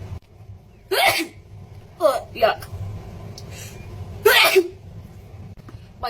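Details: Induced sneezing fit from a nasal sinus (resdung) treatment; several loud sneezes in quick succession over a few seconds, with outdoor traffic rumble.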